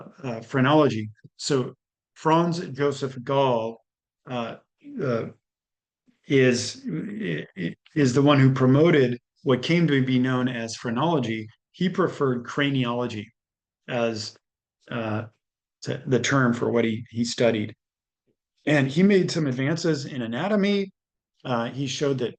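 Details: Adult male lecturer; ordinary speech.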